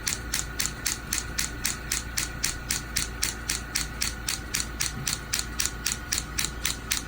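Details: Radial shockwave therapy machine treating heel pain, about 1500 shocks delivered so far: rapid regular sharp clicking pulses, about four per second.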